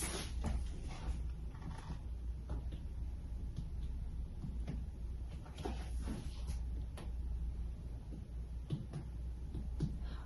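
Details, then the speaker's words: Chest percussion with the patient lying down: repeated hollow finger taps give a resonant note in all fields, normal for air-filled lung. "Okay, renaissance sound heard in all field."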